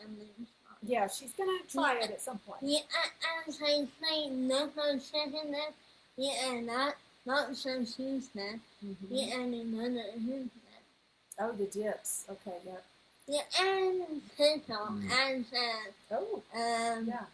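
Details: Speech disorder in a 21-year-old woman, found on neuropsychological evaluation alongside level 2 autism, anxiety and a needle phobia.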